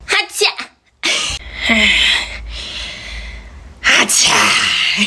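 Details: Sharp sneeze bursts with a gasping intake, altered by added comic sound effects, with laughter and Korean talk around them; sneezing.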